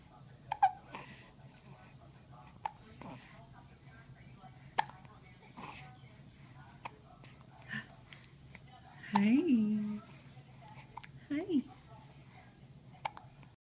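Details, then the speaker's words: Repeated short, sharp hiccup clicks at irregular intervals from a baby girl, with brief baby vocal sounds and soft adult talk: infant hiccups. "Do you have those hiccups? Huh? Do you have hiccups? Those bold hiccups."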